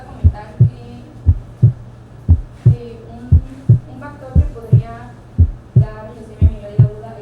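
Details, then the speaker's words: Regular heartbeat about 58/min with a soft, muffled first heart sound; faint background hum; diminished first heart sound. "si las válvulas han vuelto a una posición de cierre y por lo tanto se encuentran parcialmente tensas en el momento de la contracción ventricular, el ruido generado está considerablemente disminuido y apagado."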